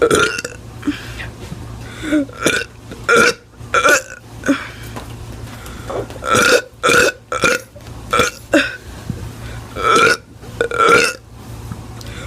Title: Teen doing burps 17